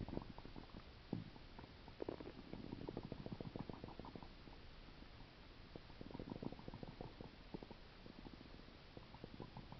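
Bursts of low gurgling and bubbling over a steady hiss, recurring throughout; active stomach rumbling linked to a stomach ulcer.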